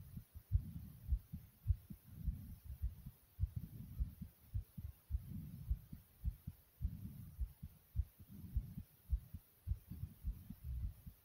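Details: Soft, low pounding heartbeat at about 100/min, fairly regular, with muffled whooshing between beats; a normal heartbeat.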